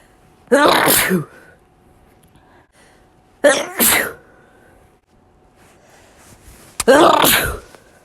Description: This is a compilation of over 100 clips. Think there are closer to 200 sneezes but I’m not totally sure because I didn’t count them all.